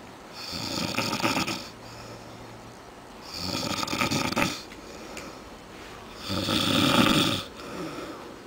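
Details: A man snoring after a night of drinking, with loud, rough snores on each breath in, about three in eight seconds, and quiet breathing between; ordinary snoring.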